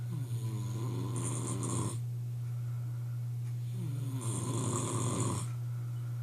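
Two loud, rough, rattling snores on in-breaths with a steady room hum underneath.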